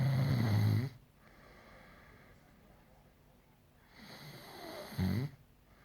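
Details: Two loud, rough, low rattling breaths about four seconds apart, with quiet breathing between them: snoring.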